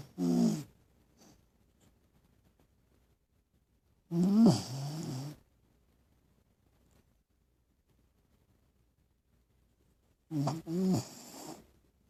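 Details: Pet dog snoring while asleep with eyes open: three loud, fluttering snorts and snores spaced several seconds apart in a quiet room.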